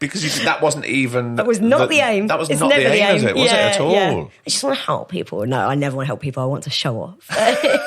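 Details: Adult speaker in conversation; normal speech.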